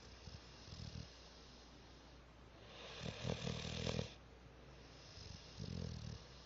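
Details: Cat snoring loudly: low rattling snores on each breath over steady background hiss, with one longer, louder noisy breath in the middle; snoring.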